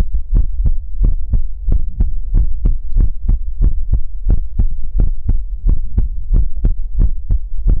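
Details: ASMR livestream heartbeat sound for relaxation: steady low thumping beats at roughly 88 a minute over a soft hum; regular heartbeat rhythm.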